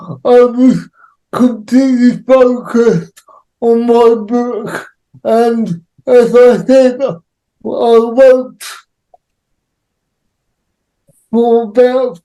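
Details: Adult male with cerebral palsy, real, with dysarthric speech (cerebral palsy).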